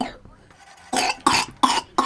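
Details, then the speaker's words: A young girl recovering from a respiratory illness, already past the worst, gives four quick, harsh, loose coughs clearing mucus still on her lungs. Productive wet cough. "Yeah, it sounds bad, but it's actually not that bad. It's just... it's just the slime she has to get off. She's already through the worst, but now that stuff is still on her lungs."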